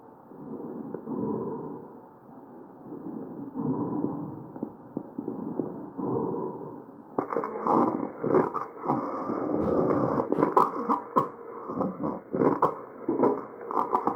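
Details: Tracheal auscultation recording with muffled tracheal breath sounds, then a run of sharp harsh bursts in the second half; cough.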